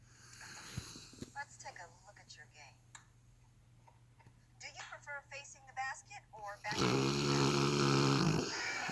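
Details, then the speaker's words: Sleeping dog: faint breathy snuffling, then a sudden very loud, buzzing snore near the end, described as a dog snore never heard before; unusually loud dog snoring. "they even never heard a dog snore like that like I've heard them snore but this is unbelievable hilarious"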